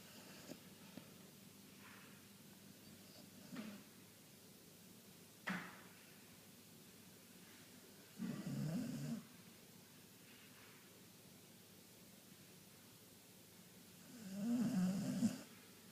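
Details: Sleeping dog, eyes wide open, snoring: quiet room with a few soft snorts, then two short rattling snores several seconds apart.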